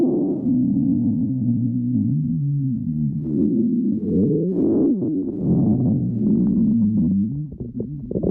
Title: Sticks the badger stomach growling 14